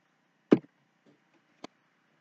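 Two abrupt, short throat clicks about a second apart, typical hiccups in a quiet space.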